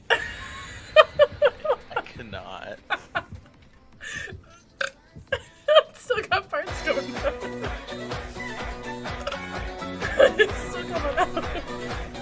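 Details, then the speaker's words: Woman on a live stream burping: several short throaty belches between bits of laughter and apologies, later over background music. "Sorry. Excuse me, I am sorry, but that's a lady burp."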